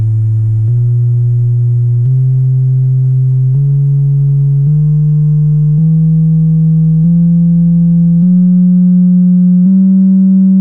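A series of steady pure tones, each held about a second, stepping upward in pitch: hearing test tones.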